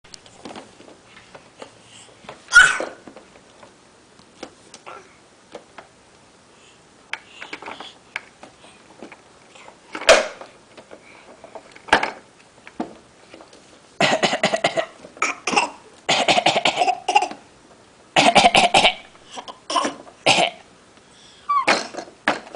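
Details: Child and grandfather in a coughing contest, taking turns giving deliberate, forced voluntary coughs in a quiet small room.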